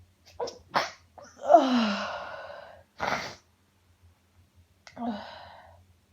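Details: Uncontrollable sneezing fit: quick gasping inhalations followed by forceful sneezes in close succession.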